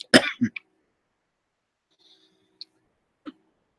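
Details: Cough from a person whose throat is still coughing and hacking: one harsh, throaty cough followed by quiet.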